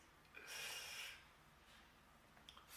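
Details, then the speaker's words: Person feeling a sneeze coming and trying to fight it off gives a long, hissing, breathy snort-like burst, like a stifled held-back sneeze, in a quiet room; sneezing. "what is this I feel a sneeze coming on and I really don't want to do it but it's coming I'm fighting it I'm fighting the"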